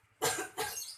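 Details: Nursing-skills demonstration with a 30-year-old woman practising deep breathing and effective coughing: after a deep breath, two forceful coughs, acted, to clear secretions (effective huff cough technique).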